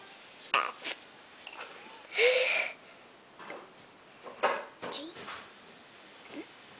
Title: burping again!